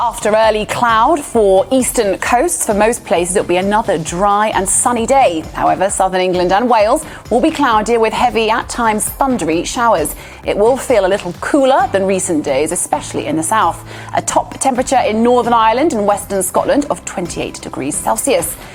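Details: Adult female speaker; Normal fluent speech.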